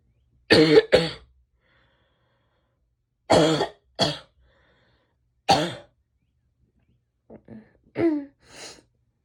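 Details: Female recording herself sneezing, nose blowing and coughing a little: three short bouts of one or two dry coughs, then a few soft throat sounds in a quiet room.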